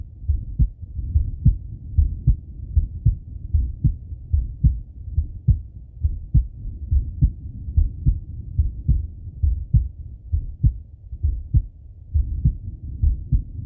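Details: Male heartbeat and breathing auscultated through stethoscope: regular heartbeat thumps about 70 a minute with slow breathing swells underneath; normal heart and breath sounds.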